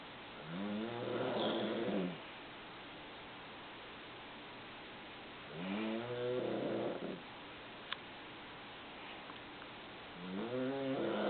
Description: My husband was snoring at night so loud when we were on vacation....I did not get any sleep...He sounded like a mountain liion.